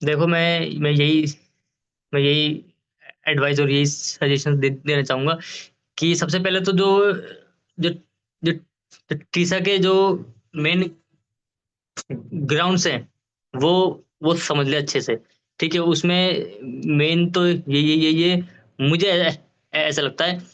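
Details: Adult Supreme Court lawyer who stammers, interviewed about his journey from childhood onward; stuttering.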